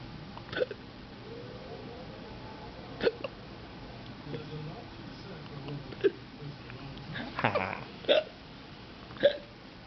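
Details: Baby hiccups: soft, sharp hiccups recur about every one to two seconds, roughly six in ten seconds, over room noise.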